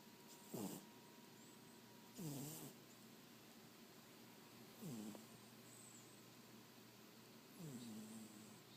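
Four low, rattling snores with soft whistling on the breath, about one every two to three seconds (roughly 22 a minute), in a quiet room.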